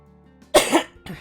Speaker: Oh dear. You will hear me cough a bit, but it's normal. I'm still not out the woods.